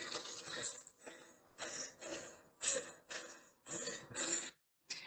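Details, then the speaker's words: Athlete during exercise with exercise-induced laryngeal obstruction: rapid, harsh, tight inspiratory gasping, stridor-like noise from throat tightening. "And you can start to hear the tightening of the throat, which is actually reaching for her throat there. And this is really common in athletes that experience that exercise-induced laryngeal obstruction, where there's so much tension, so much predominant movement in the upper part of the chest that there's a lot of tig"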